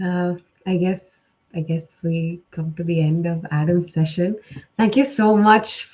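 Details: Adult speaker; Normal speech.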